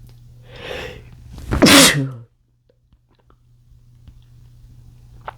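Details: Male stifling a sneeze from chikni sneezing powder: soft in-breath, then one forceful sneeze bursting out despite the attempt to hold it in, followed by quiet.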